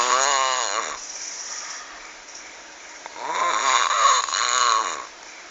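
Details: Loud, rattling snoring during sleep with a croaking, frog-like quality on each breath and quieter stretches between.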